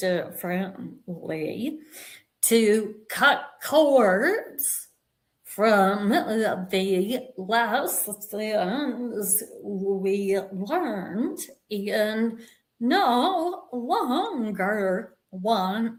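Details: Adult woman with a vocal tremor that she and the host attribute to over 50 years of narcissistic abuse and trauma beginning at age five, manifesting after decades of abusive relationships; vocal tremor.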